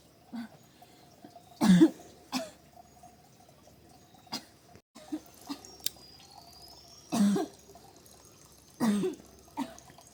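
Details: Adult woman who cannot stop coughing: about four strong short coughs with smaller ones between over ten seconds in a quiet room; persistent cough.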